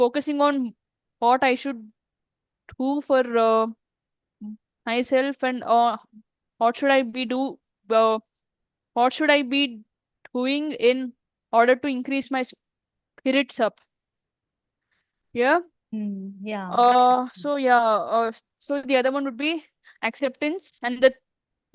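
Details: Adult woman who stammers, in a real English-language podcast interview: stuttering.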